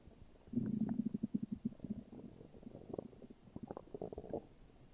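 Low, gurgling rumble breaking into rapid bubbly pulses; ordinary stomach growling.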